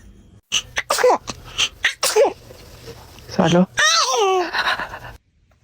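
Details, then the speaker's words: A newborn baby: a couple of small, sharp sneezes amid adult chatter, followed by a fussy cry; ordinary newborn sneezing. "Bless you. Baby is a dramatic sneezer check."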